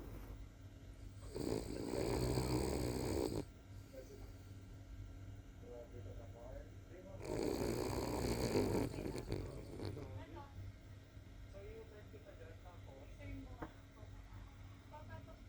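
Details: Senior King Cavalier dog snoring while sleeping: two long, loud rumbling snores a few seconds apart with quiet breathing between them.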